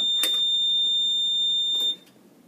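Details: A steady high electronic tone lasting about two seconds with a couple of clicks, then quiet, as a Puritan Bennett 840 ventilator is turned back on before its pre-use test: power-on self-test alarm.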